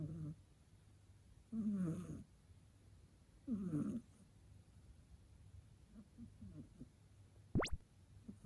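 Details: Snoring Soft, fluttering snores about every two seconds, then quieter breathing and a brief high squeak from a sleeping rescue cat; the household has a black cat and a white-and-tabby cat.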